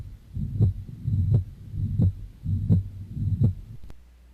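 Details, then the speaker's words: Mitral regurgitation holosystolic murmur, heard best at the apex (fifth intercostal space, midclavicular line, mitral area): regular heartbeat near 85 a minute with a steady blowing murmur filling all of systole. "the mitro gation murmur is heard best at the Apex which is the mitro listening area that we talked about earlier it's found at the fifth intercostal space in the midclavicular line and I'll play you an example of the murmur of mitro gregation"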